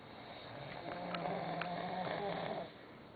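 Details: Sleeping man snoring "like a horse": one long, rough, steady droning snore on the in-breath, then fading; snoring.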